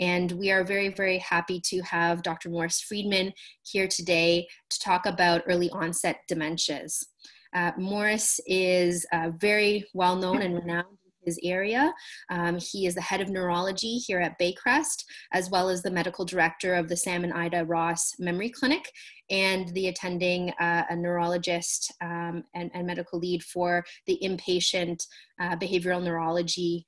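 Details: Adult woman speaking; normal speech.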